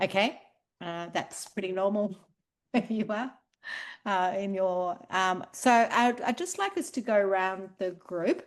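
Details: Adult woman; normal speech.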